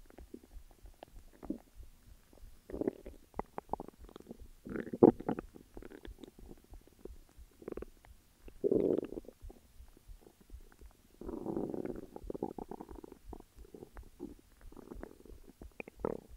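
Bursts of gurgling and creaking rumbles with quiet gaps; ordinary stomach growling from moving gut contents.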